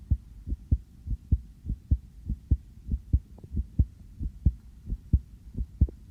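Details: Own heartbeat heard through a sensitive stethoscope just after coming in from outside; clear regular lub-dub at about 90 beats a minute, slightly fast: normal heart sounds.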